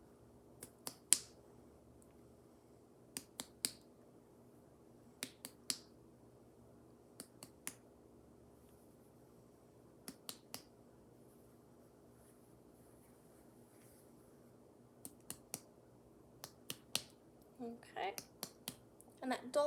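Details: Percussion over the liver during a nursing head-to-toe abdominal exam; a normal dull percussion note.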